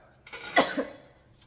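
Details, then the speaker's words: Short dry cough from an adult woman, a brief hacking burst with no wet or rattling sound; she says she can't get rid of this dry cough: dry cough. "Girls, can't get this dry cough."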